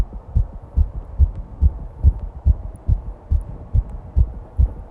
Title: Fast heartbeat recording